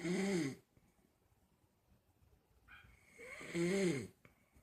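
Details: A man passed out asleep, snoring: two rough, rattling snores on the in-breaths about three seconds apart, with quiet breathing between.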